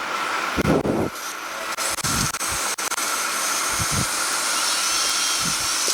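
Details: Steady high whining drill with short stops and brief suction noise and water irrigation: otologic burr drilling a posterior tympanotomy near the facial nerve to enter the middle ear, after cortical mastoidectomy during cochlear implant surgery.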